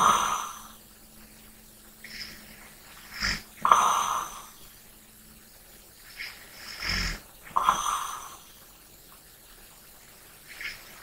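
Soft rattling snores and airy breaths during sleep, about 16 breaths a minute, with quiet gaps between.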